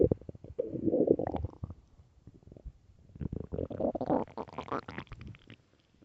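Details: Low gurgling, bubbling rumbles in two waves from the belly, recorded early morning: ordinary stomach growling, borborygmi.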